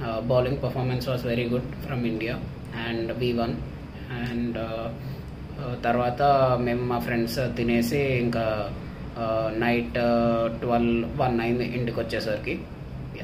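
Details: Male patient with puberphonia since his teens, after about 20 voice therapy sessions; improved but still needs work.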